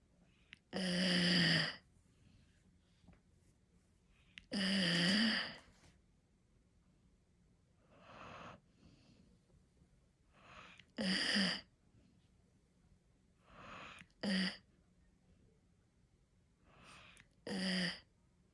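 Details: Sleeping Australian Shepherd puppy, tired after playing outdoors at Christmas, snoring: irregular loud whistling, snorting breaths at about 16 per minute with a squeaky, wheeze-like tone.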